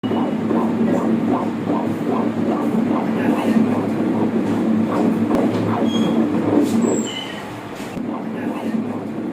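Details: Normal fetal heart sound on ultrasonogram: rapid, regular, whooshing, galloping fetal heartbeats on Doppler ultrasound.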